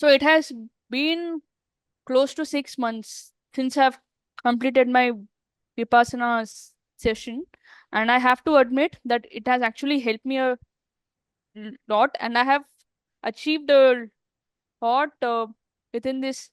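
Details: Adult woman who stammers, who says she is still not totally out of it; stammering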